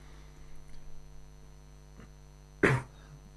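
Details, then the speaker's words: A single short, sharp cough from an adult over a low, steady electrical hum in a quiet room: an isolated cough. "excuse me if you could hear that cough"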